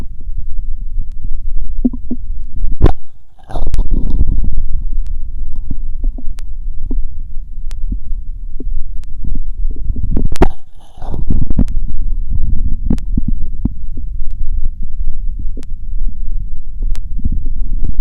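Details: Normal heart sounds heard with a wired electronic stethoscope over the aortic, pulmonic, mitral and tricuspid areas: muffled, regular, low thumps, with scraping as the chest piece moves.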